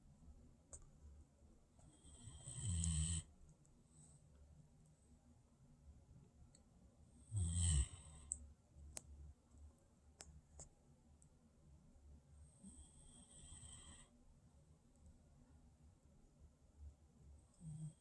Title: guard dog snores while sleeping